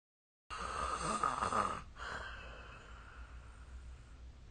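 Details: Snoring during sleep recorded with the SnoreLab smartphone app: one harsh, fluttering snore on a breath, fading into a noisy exhalation.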